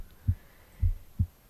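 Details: Three deep, soft thumps of an adult heartbeat recorded close at the left side of the chest, with low hum behind; normal heartbeat.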